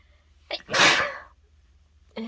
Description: Still so stuffed up from my cold, decided to try a dose of chhinkni and could not stop sneezing.